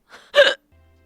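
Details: Adult with painful hiccups lasting about 1.5 hours during a live stream, lifelong tendency to get hiccups, trying online remedies one after another; hiccups.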